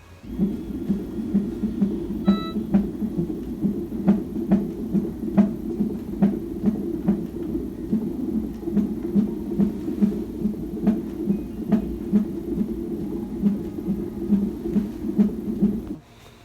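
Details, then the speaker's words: Rapid, regular whooshing fetal heartbeat, about 140 a minute, with steady hiss, on an emergency room contraction monitor in the second trimester (around 23–27 weeks); no contractions found. "And then it also has the baby's heartbeat in that as well, but it sounds really weird compared to the other one."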